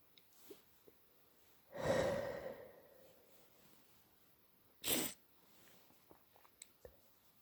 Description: I woke up at 3am with a stupidly blocked nose and it was givibg me headache so I induced some sneezes to ease the pressure